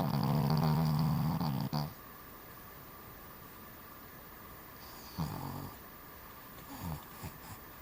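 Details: Cavalier King Charles Spaniel asleep: one loud buzzing snore, then a quiet room with a few soft snorts; snoring during sleep.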